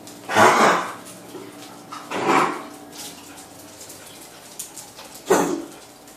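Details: A dog gives three short, harsh cough bursts, separated by quiet pauses.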